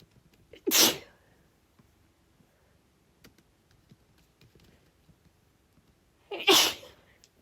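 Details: Woman sneezing while typing a report: two sharp sneezes about six seconds apart, each with a brief inward breath first, with faint keyboard clicks and a cat purring loudly nearby; sneezing.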